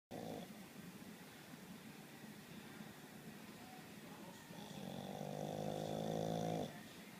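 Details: Snoring during sleep: soft noisy breathing, then a louder rattling, vibrating snore lasting about two seconds; ordinary snoring.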